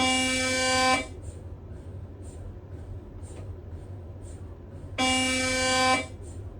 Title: SPECTRA MRI Sounds Siemens Magnetom